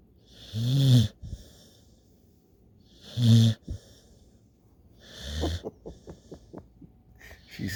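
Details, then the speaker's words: Puppy snoring so intently that her leg raises and her ears wiggle after a day of playing: loud, low, vibrating snores about every 2.5 seconds, with softer airy breaths and a brief fluttering rattle between them. "snores so intently that her leg raises up and her ears wiggle."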